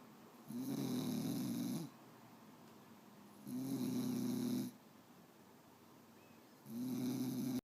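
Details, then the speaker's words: Louie, who also has hiccups, snoring: three long, even snores about a second and a half each with quiet pauses, roughly 20 breaths a minute. "Louie has the hiccups. Are you so tired, Louie? You have the hiccups. And you're snoring."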